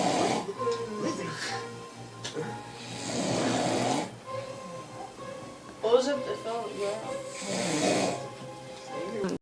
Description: Another one gettin down on some snoring...